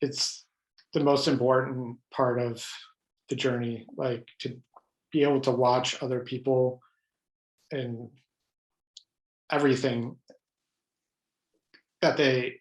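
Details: Adult man who has stuttered all his life, mostly blocks, with highly variable stuttering: stuttering.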